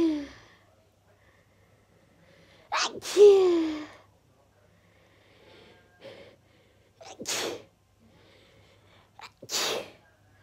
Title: Sneezing Fit